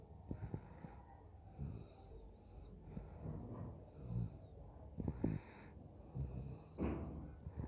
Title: snoring while sleeping